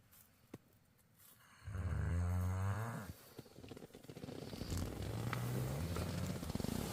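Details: Adult snoring while asleep at a wild camp: low, rattling snore on two successive breaths, with quiet outdoor background.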